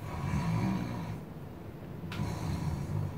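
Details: Low, soft rumbling snores over steady background noise, mild snoring light enough to be tolerated, in a recording about snoring in pregnant women and sleep apnea: mild snoring.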